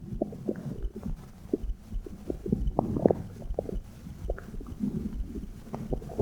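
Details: Irregular gurgles, pops and low rumbles with faint soft thumps underneath, recorded with a phone mic placed on the belly button: active bowel sounds and possible heartbeat.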